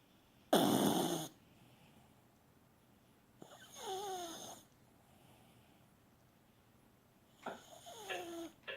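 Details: Chihuahua snoring: three snoring breaths, the later ones ending in a whistling, falling squeak, quiet between them; snoring.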